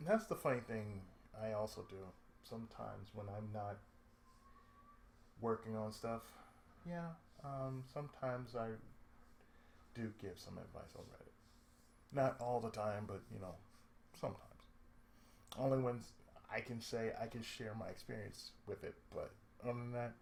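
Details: Adult man with cerebral palsy, who reports speech problems since childhood and a lisp at times; dysarthric speech associated with cerebral palsy.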